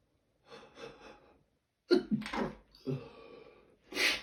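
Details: Quick catching breaths, then about four sharp sneezes in rapid succession, possibly the start of a cold; a sneezing fit.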